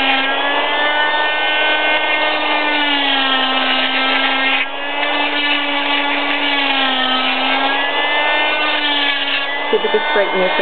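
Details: Loud steady high-pitched whine with grinding, shifting slightly in pitch, as a cast saw cuts the side of a plaster cast on a right wrist broken snowboarding, removed 6 weeks after injury.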